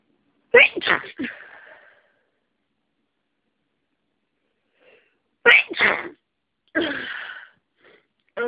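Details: Congested sneezing fit during a cold: three sharp sneezes in quick bursts with quiet gaps between.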